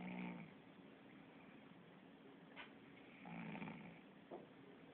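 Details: Sleeping cat snoring: soft, faint snoring breaths under steady room noise; harmless.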